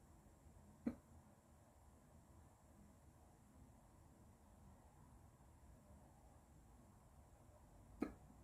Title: I got the hiccups